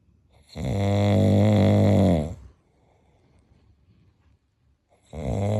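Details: Loud, rattling, drawn-out snore on the in-breath from a sleeping friend, then quiet until the next snore; ordinary heavy snoring.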